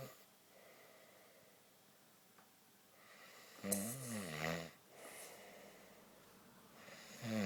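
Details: Sleeping dog knocked out and snoring: one loud, vibrating snore with a wheezy edge, then softer breathing in a quiet room; snoring.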